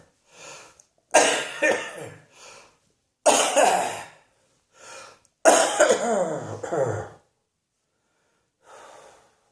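Three loud bursts of harsh coughing, each with two or three coughs, with softer breaths between; repeated coughing.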